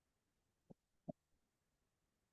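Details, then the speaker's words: Normal first and second heart sounds, played as a refresher before a lesson on murmurs: a single pair of short, low thuds in a quiet background, cut off by a louder sound at the end. "Vamos a volver atrás. Ahora que ya hemos visto bastante. Vamos a escuchar primero primer y segundo ruido cardíaco."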